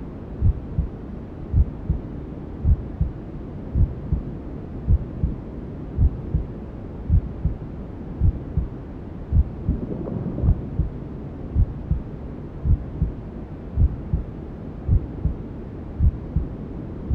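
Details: Newborn sleep-aid womb sounds: steady, regular low thumps at about 54 a minute under constant white noise hiss, a mother's heartbeat and belly sounds as heard from the womb.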